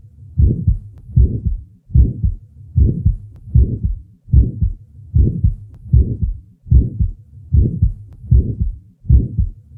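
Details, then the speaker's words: 20-year-old female with a small muscular ventricular septal defect, recorded at the left lateral sternal border: regular heartbeat near 73 a minute with a soft early systolic murmur. "listen next to the sounds taken from a 20-year-old female with a small muscular vssd the recording was taken at the left lateral sternal border"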